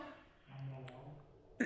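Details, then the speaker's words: An adult woman with a hoarse voice gives a brief, low, rough throat-clearing sound while rolling golgappa dough, followed by a sharp kitchen click. "दोस्तों मेरे गले पर मत जाना। मेरा गला देखो बैठा है। मेरी आवाज बहुत ही भद्दी और मोटी आ रही होगी।"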